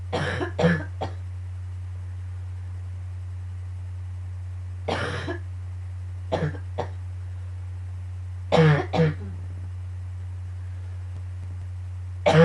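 Repeated clusters of two to three harsh coughs, about five groups, over a steady hum; a morning coughing fit.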